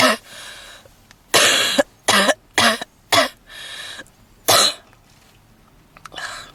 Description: Redhead girl in a black leather jacket smoking a cigarette in the car with heavy coughing and wheezing.